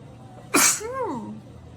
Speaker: excuse me the allergies are kicking in guys